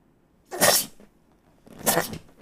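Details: Sneezing fit on a live stream: two forceful sneezes in quick succession, each a sharp, explosive burst of air; sneezing.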